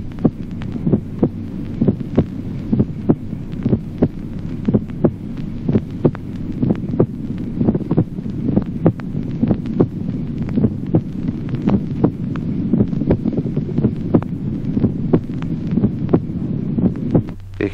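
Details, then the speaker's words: Teaching example of a split first heart sound: regular heart sounds over a steady low hum, with the first sound barely perceptibly divided into two separate components. "desdoblamiento del primer ruido cardíaco distribución apenas perceptible del primer ruido en dos componentes sonoros separados"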